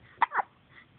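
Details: Two quick, sharp voiced catches close together in a quiet room; hiccups.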